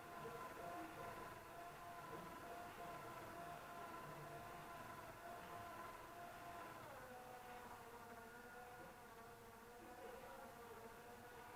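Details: Steady geared motor whine with a slight pitch drop: DIY 3D-printed mechanical ventilator driven by a power-drill gearbox (30:1 plus 3.76:1 reducer) on 12V DC; mechanical ventilator motor.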